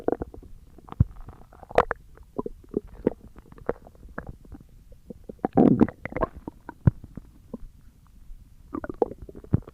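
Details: Stomach growling recorded for ASMR: irregular gurgles, pops and low rumbles from the belly, ordinary normal gut sounds (borborygmi).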